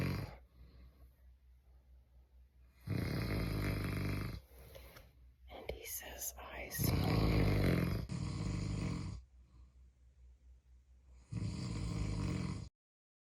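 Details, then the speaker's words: Adult man (husband) snoring at night: loud, harsh rattling snores in long bursts separated by quieter breathing, about four or five snores over thirteen seconds. "Remember when my husband said this about me? You snore in your sleep very loud. Drive me nuts. Well, this is what I have to listen to night after"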